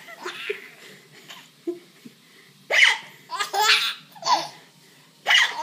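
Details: Person giggling with hiccups after finishing dinner, alongside another person who also has hiccups; hiccups.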